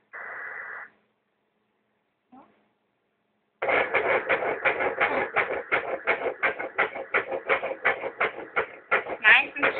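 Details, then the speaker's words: Fetal heartbeat at a second pregnancy ultrasound: rapid, regular whooshing pulses at about 170 a minute, described as strong; everything looks good. "I just can't believe you can see the heart moving there's that heart going to you hear"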